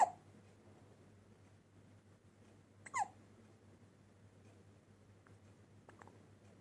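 Soft, brief catching sounds spaced a few seconds apart in a quiet room, about three over several seconds; infant hiccups.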